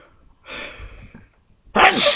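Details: Intense sneezing fit: a sharp in-breath, then an explosive, hissing sneeze, one of a rapid series of sneezes.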